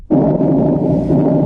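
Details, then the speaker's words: Normal breath sounds of a healthy person heard through a stethoscope: a soft, steady whooshing of air. "இப்ப ஒரு normal பெர்சனுக்கு இந்த ஸ்டெத்த வச்சு கேட்கும்போது அது காத்து கஷ் ஆற மாதிரி இப்படிதான் கே்கம்."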